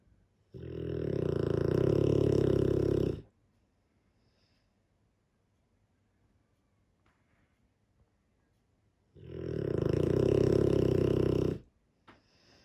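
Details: A sleeping Dogue de Bordeaux gives two long, loud, rumbling snores, each about three seconds, separated by quiet pauses.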